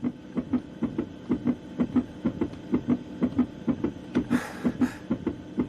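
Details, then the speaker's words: Rapid, regular, paired thumping of a fetal heartbeat, about 130 a minute, played on a doctor's monitor in a dubbed TV drama scene and likened to a moped; fetal heartbeat. "Tu as entendu le cœur du bébé? Tac, tac, tac, tac, tac, tac. Il va aussi vite qu'une mobilette."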